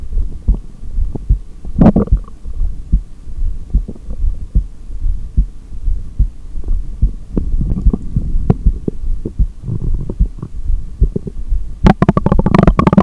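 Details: Muffled low thumping heartbeat at about 73 beats a minute through a stethoscope during a breath-hold session with exhaled and inhaled holds, over steady hum and rustle, with handling noise at the end.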